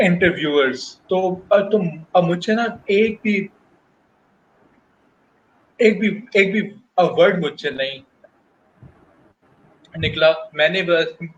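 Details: Adult male working professional who stutters, speaking spontaneously in Hindi/Urdu in a real interview, with audible word repetitions; stuttering.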